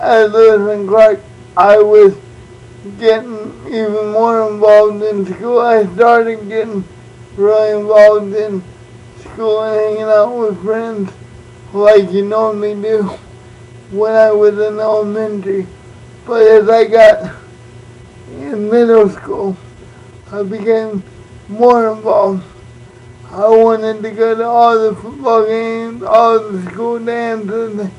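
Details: Adult man born prematurely with cerebral palsy, uses a wheelchair, also reports dyslexia and dyscalculia; no speech disorder named; speech in cerebral palsy (possible dysarthria).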